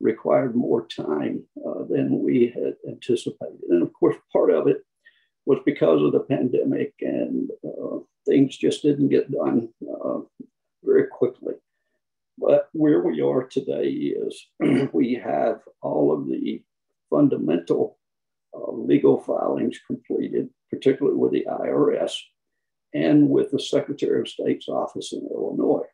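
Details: Man who counts himself among people with spasmodic dysphonia; spasmodic dysphonia.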